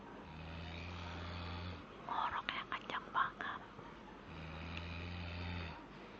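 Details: Sleeping infant snoring: two drawn-out, low, rumbling snores about four seconds apart, with soft rustling and whispering between.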